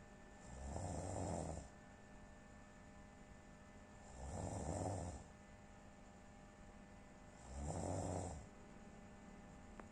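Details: Three loud, rough, rattling snores on inhalation, about 18 breaths a minute, with quiet exhalations between; ordinary snoring in sleep.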